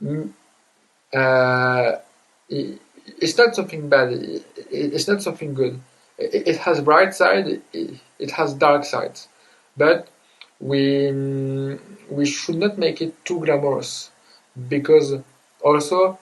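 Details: Adult man who says he stutters, also with dysgraphia, dyspraxia and ADHD, speaking English: stuttering.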